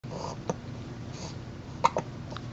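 Three or four short, abrupt catching sounds over a steady low background hum, fitting hiccups.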